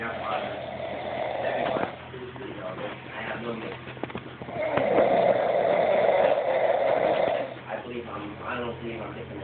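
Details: Snoring during sleep: steady rattling snores on each breath, some louder and buzzier than others, with a faint low hum of room noise.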